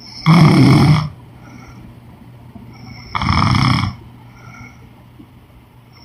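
Two harsh, rattling snores about three seconds apart, with quiet breathing between. Snoring during sleep.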